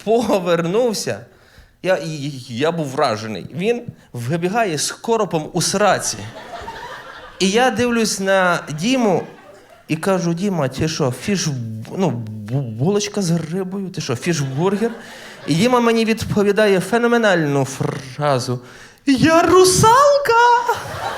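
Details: Adult male stand-up comedian who says he stutters, performing live; genuine self-reported stuttering.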